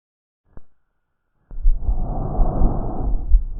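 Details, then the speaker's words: Normal tracheal (tracheobronchial) breath sound heard over the neck: harsh, loud rushing airflow with a well-marked pause in both phases. The inspiratory part comes from air vibrating the tracheobronchial spurs after the glottis. "el origen del componente inspiratorio es la vibración de los espolones tráquea bronquiales por el paso del aire a través de la glotis"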